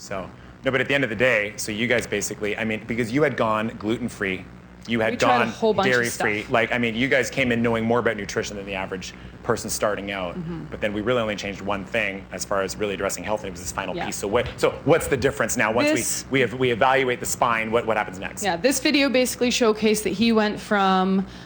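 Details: Adult male speaker; ordinary speech.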